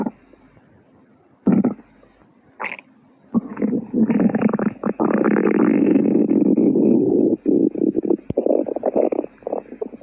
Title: Stomach Growling #2